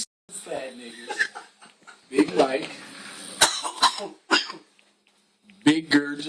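Several short, sharp cough bursts mixed with voices and laughter in a small room; brief dry coughing.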